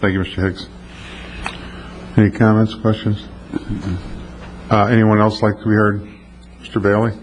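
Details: Adult male; ordinary speech.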